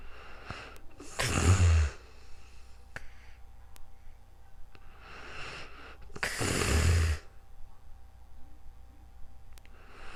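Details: Real-time snoring during calm sleep, recorded with a new microphone: two loud, rattling inhaled snores about five seconds apart with quiet breathing between.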